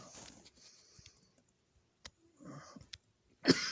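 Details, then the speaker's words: Dry cough in a cancer patient on the third day of chemotherapy, preceded by hiccups the night before, recorded around 5:26 a.m.: a soft throaty cough, then a sharp, loud burst; dry, unproductive cough. "good morning so as you see i am now dealing with this dry cough um i started chemotherapy two days ago and i have chemotherapy today"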